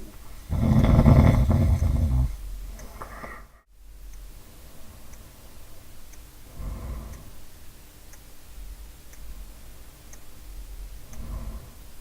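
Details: Typical snoring profile: deep, rumbling snores that come and go, one loud then fainter ones several seconds apart, in a quiet room with faint ticking.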